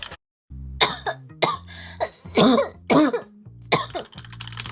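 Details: Woman livestreamer saying her throat is in very bad shape: several short, rough coughs and throat clearings with a low steady hum behind.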